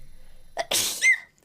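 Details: A short in-breath followed by a single sharp, high-pitched sneeze ending in a brief voiced squeak, from a streamer's sneezing compilation (2021–2025); sneeze.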